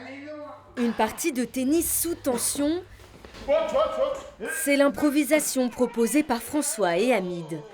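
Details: Adult woman speaking French; Normal speech.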